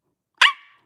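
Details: Involuntary bark-like vocal tic from an adult woman with Tourette syndrome, who says the bark is sometimes triggered by seeing a dog: vocal tic (barking).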